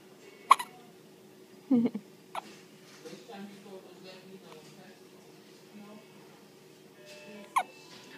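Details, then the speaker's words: Several sharp, abrupt hiccups a few seconds apart, with soft voices and background music between; hiccups. "Hi, Daddy. You get the hiccups, huh? Oh. See?"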